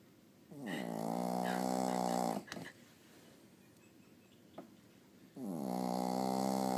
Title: Nala snoring!! HAHAHAGA